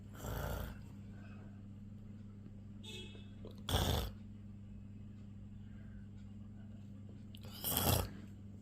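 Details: Pet parrot mimicking its owner's snoring: three short, rasping, snore-like bursts over steady low room hum.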